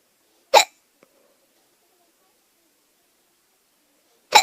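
Two sharp, brief hiccups about four seconds apart in a quiet room; ordinary hiccups.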